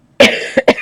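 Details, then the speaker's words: Adult coughing during a live stream while colouring with pastel pencils, mid coughing fit. A single sharp cough followed by two smaller bursts, a brief coughing spell in a quiet room. "oh sorry if you can hear me oh you're not supposed to be hear me cough now you can hear me sorry I've been other on microphone sorry I just having a coughing fit i'm back in a minute"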